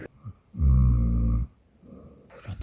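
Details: Man sleeping in a car while bivouacking in the Dolomites: one deep, rattling, low snore on a breath, with quiet breathing before and after.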